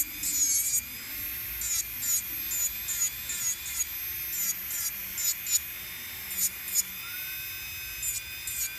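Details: Medical pedicure for onychomycosis: high-pitched drill whine with repeated rising bursts as the drill files down the central part of a thickened fungal toenail.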